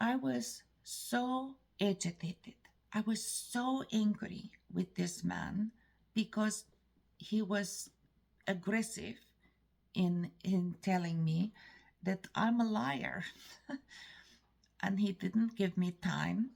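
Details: Adult woman, a native English speaker from Canada, with foreign accent syndrome; she is often mistaken for Eastern European.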